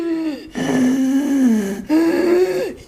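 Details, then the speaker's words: Three strained, high-pitched crowing breath sounds, an adult's vocal imitation of stridor from air passing a narrowed larynx, as in laryngeal diphtheria with swollen mucous membrane: imitated stridor. "ചെറിയ ഒരു ഇതിലൂടെ ഇങ്ങനെ air കേറി ഇറങ്ങി പോകുമ്പോഴത്തേക്കും ഉണ്ട് ആ ശബ്ദം അതാണ് സ്ട്രൈഡർ"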